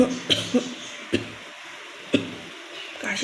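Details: Cough challenge: a few short, deliberate coughs and throat-clearing or hawking sounds in a small room; voluntary coughing performed on purpose.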